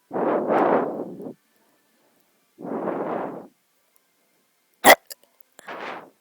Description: Pretty gross hiccups I ws breathing on the camera lol sorry